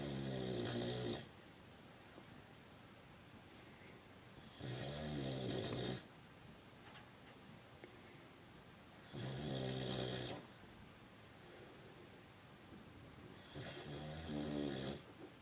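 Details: Puppy snoring: loud, rattling snores on each breath in, about 13 a minute, with quiet gaps between.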